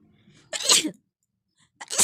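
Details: Sneezing and nose-blowing recording: a faint in-breath, then one loud hissing sneeze, with a second burst starting at the end.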